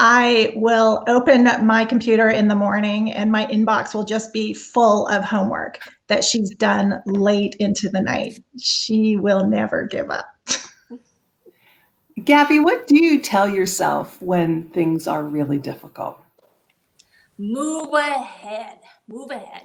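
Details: Adult woman with aphasia after a gunshot wound to the head in the 2011 Tucson shooting, about 10 years post-injury, speaking conversationally; word-finding difficulty with tip-of-the-tongue trouble; finding: aphasia.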